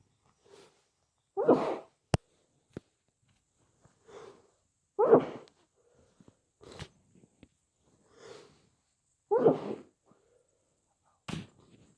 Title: Muffled snotty cold sneezes